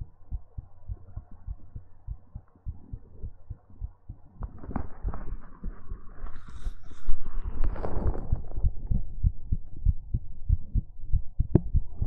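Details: Muffled, fairly quick low thumping heartbeat under rustling and hum from microphone handling, recorded for ASMR: an ordinary heartbeat.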